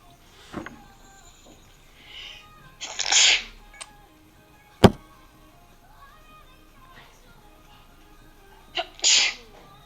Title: Sneezes fit